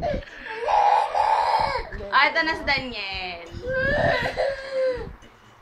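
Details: Infant crying in loud, sustained wails with brief breaths between bouts, in a small room, upset after a phone playing a Daniel Padilla video was taken away.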